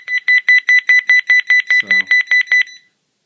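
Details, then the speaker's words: Angelcare monitor pressure mat, simulated no-breathing demo for SIDS protection: rapid, regular high-pitched electronic beeping, about 146 per minute, with a brief adult voice, the apnea alarm triggered once movement stops. "So within a second this thing's going to go crazy on us see so try stop breathing stops moving you always know you need to WR a little food food and protect you"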